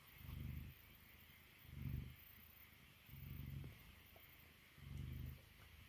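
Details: Sleepy Mastiff dog snoring: deep, rumbling snores likened to a failed chainsaw pull start, about 40 breaths a minute, with quiet gaps.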